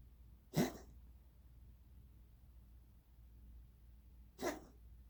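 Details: Cat with a weird cough lasting months, not a hairball per owner: two brief, sharp coughing bursts about four seconds apart over a low steady hum.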